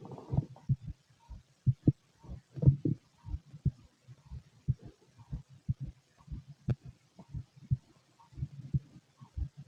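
Soft repeated low thumps, paired lub-dub beats at roughly 60 a minute, with some gurgling mixed in; a normal heartbeat.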